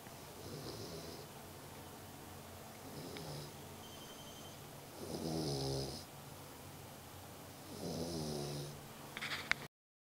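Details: 2-month-old Dogue de Bordeaux puppy snoring: rough, rattling snores recur every few seconds, each lasting about a second, over faint room noise.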